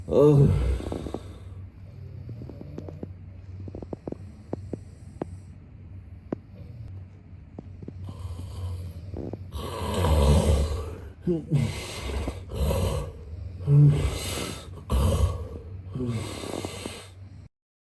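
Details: Snoring sound-effect recording of a sleeping man: loud, rough snores with snorting breaths over a steady low background hum.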